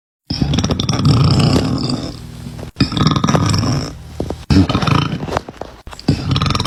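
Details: Burping by a girl from a TikTok compilation: loud, long, deep belches following one after another with brief pauses between them.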